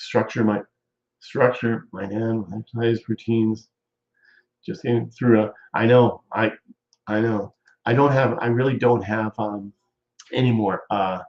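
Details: Adult male stroke survivor nearly 14 years post-stroke with ongoing speech problems, chiefly talking too fast; aphasia (post-stroke)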